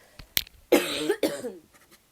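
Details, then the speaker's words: Adult woman, who says she is not ill and a cough from weeks ago has ended, gives two forceful cough bursts mid-talk after a brief click or swallow. "Excusez-moi, je bois un petit coup parce que là, je tousse."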